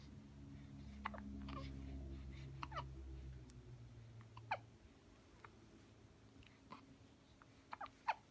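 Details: 3-week-old mixed twins, girl and boy, hiccuping: soft, abrupt newborn hiccups, about seven or eight in eight seconds, with low room hum at first.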